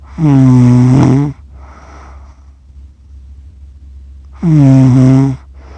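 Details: Adult who fell asleep while filming, unaware, snoring during sleep in a 47-minute accidental recording: snoring.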